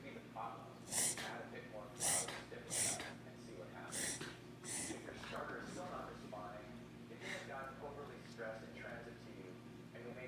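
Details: Animal with repeated sharp, noisy snorting gasps, recorded for the vet to judge whether this is reverse sneezing or needs an office visit; possible reverse sneezing.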